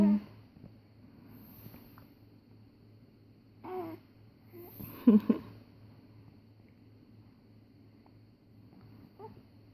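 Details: One-month-old baby with hiccups: a few soft, abrupt catches of breath in a quiet room.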